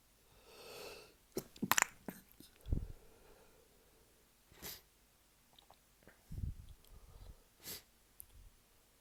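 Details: Early-morning sneezing fit after a tickle, sneezes partly held back to avoid waking a sleeping partner; several sneezes in a row with quiet breaths between in a small room.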